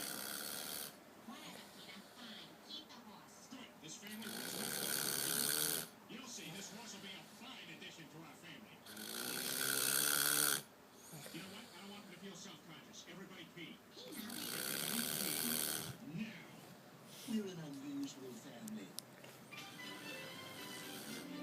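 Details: Person snoring loudly enough to keep others from sleeping: loud rasping snores, about four in twenty seconds, each a long rough intake with quieter breathing between.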